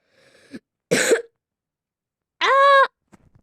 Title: извините что кашель просто заболел